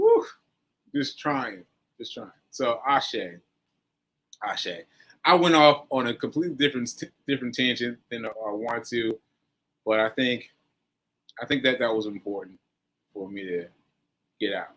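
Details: Aphasia in a man recovering from a stroke on 7/14/22, recorded 7/4/23; he says his aphasia made working out numbers difficult and everyday tasks are not yet normal for him.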